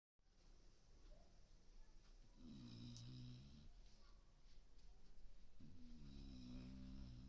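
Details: Lucky snoring in deep sleep: two long, low rumbling snores on inward breaths with quiet pauses between; ordinary snoring.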